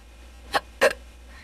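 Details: AI-generated imitation of hiccups: two short, abrupt hiccup-like catches of breath.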